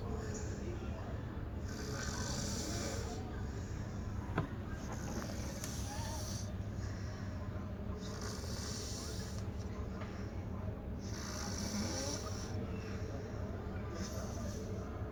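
Low, rough snoring noise recurring through the recording over steady room hum, with faint breathy hiss at each breath.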